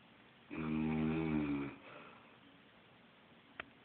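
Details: An elderly grandmother snoring in her sleep; the uploader jokingly links it to smoking: a single loud, rumbling snore on the in-breath with a buzzing, vibrating tone, then quiet breathing.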